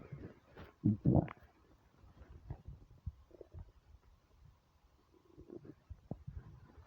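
Low gurgling stomach rumbles, loudest near the start, then softer bubbling sounds; ordinary hunger rumbling.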